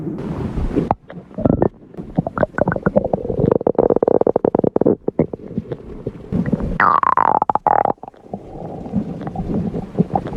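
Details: Hunger stomach growl: long bubbling, gurgling rumble with a brief rising whine; ordinary borborygmi.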